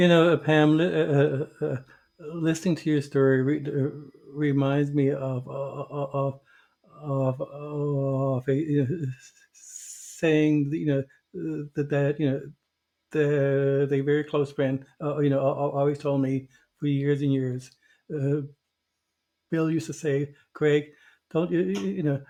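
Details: Stuttering in an adult host who was a covert stutterer for many years.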